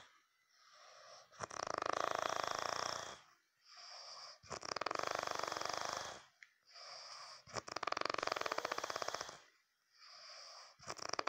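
Loud rattling snores on each breath in, with quieter whistling breaths out, about 15 breaths a minute; snoring.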